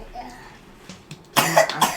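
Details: Person coughs without covering their mouth: a loud, harsh burst of coughing after quiet talk, with a second burst following closely. An ordinary cough.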